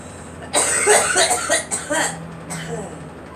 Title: Girl coughing